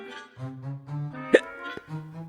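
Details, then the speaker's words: Simulated hiccups in an animated Gacha Club story voiced with text-to-speech: sharp hiccup bursts over a string music bed. ">> Did you just hiccup? >> No. >> Okay. Yes. Yes, I did. >> That's cute."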